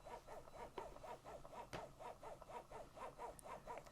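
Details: Breast pump double pumping both sides for a mother whose baby is on the neonatal unit: steady rhythmic suction cycles about two a second at a comfortable level, with milk starting to flow.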